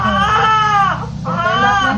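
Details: Two loud, sustained wails with a brief breath between from a newborn baby boy just after birth, second baby; strong, vigorous cry.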